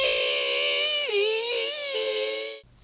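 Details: Young female college student with a hemorrhagic vocal cord polyp from chronic vocal overuse; raising pitch makes the bump touch, giving diplophonia and high-pitch squeaks with phonation breaks.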